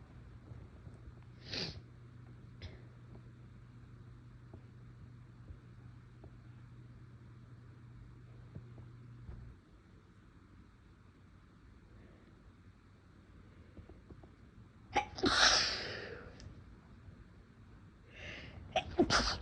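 A quiet stretch, then a sharp sneeze burst followed by a couple of smaller sneezes, one partly stifled.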